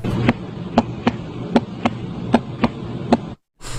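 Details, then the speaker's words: Regular paired lub-dub heart sounds (S1 S2) through a stethoscope at about 77 beats a minute, with no extra sounds: a normal heart. "सिर्फ इसमें love dub का sound सुनाई देगा। ये सुनाई देता है। समझ लो नॉर्मल है बंदा। कोई दिक्कत नहीं है।"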